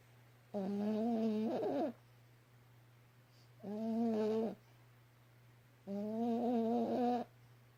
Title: Fancy The Yorkie Snoring LOUD